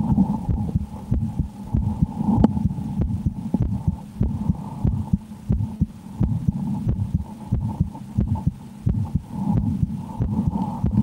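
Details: A person's own heartbeat through a stethoscope while playing the horror game Slender, which they say frightens them: muffled beats at about 90 a minute, partly masked by a steady hum and rubbing noise.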